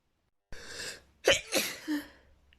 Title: rapid chhinkni sneezing fit